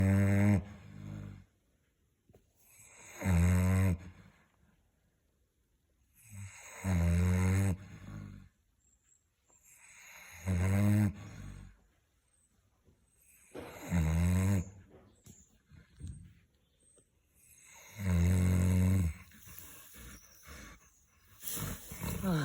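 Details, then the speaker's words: Snoring from a sleeping pig: loud, low rumbling snores about every three to four seconds, six in all, with quiet pauses between. "it was good timing right as I was filming you being very cute with your snoring you ready for breakie okay then"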